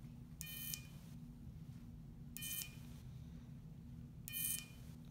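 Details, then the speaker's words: Three short, high-pitched electronic buzzes over a low room hum as an electrosurgical device treats the edge of an upper-lip piercing scar with a dilated pore of Winer; the patient is told she will hear buzzing. "Can you buzz just the edge first? You're going to hear that buzzing noise, okay? Okay. You shouldn't feel anything sharp or uncomfortable."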